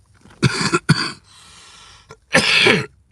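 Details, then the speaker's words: Adult with a cold: three harsh, dry-sounding coughs with a noisy breath in between. "But as you can hear it, yeah, I mean, yeah, I sound like shit."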